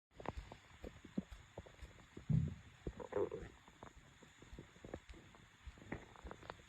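Low gurgling rumbles and scattered soft pops from the belly; ordinary bowel sounds of stomach growling.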